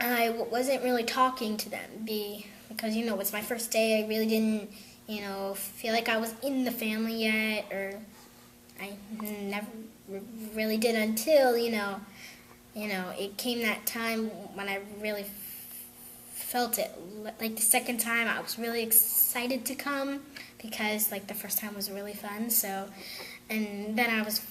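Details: Young girl who stutters, attending a program for young people who stutter; stuttering.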